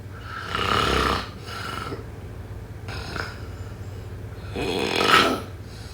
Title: #snoring #snoringasmr #sleepsounds #snoringsleepingsoundeffect